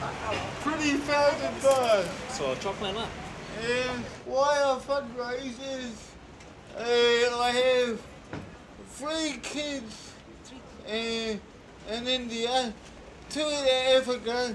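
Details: 32-year-old man with cerebral palsy present since birth, dependent on 24-hour care; slurred speech that worsens when he is tired; dysarthria.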